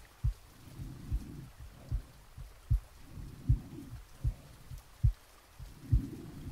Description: Real heartbeat & breathing sounds recorded while I was sleeping to give you a authentic experience, with soft rain sounds, around an hour of content to help you relax.